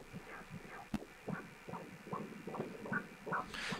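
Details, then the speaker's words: Fetal heart on prenatal ultrasound Doppler, a boy, second pregnancy: rapid, regular galloping whooshing beats measured at 152 per minute over two beats, about twice the mother's pulse, a normal fetal heart rate. "C'est un bruit de galop que vous entendez, mesuré sur 2 battements, ça donne 152 battements à la minute. Pour vous, ce serait vite, mais pour un bébé, c'est normal."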